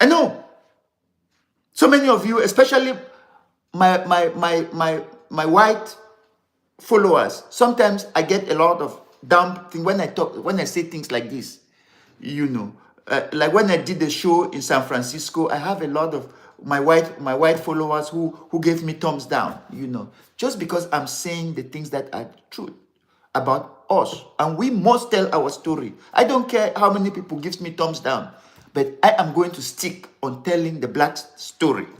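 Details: Adult man, severe stammerer since childhood, later diagnosed with attention deficit disorder (ADD), which he blames for word substitutions; still has difficulty pulling out words in this unedited live speech; stammering.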